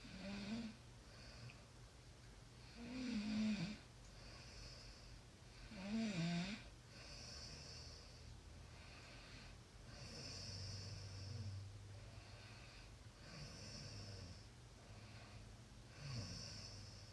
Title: Snoring sounds